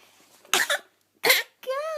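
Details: Five-month-old infant asked to do a fake cough: two short, breathy, deliberate cough-like bursts, then a brief voiced squeal.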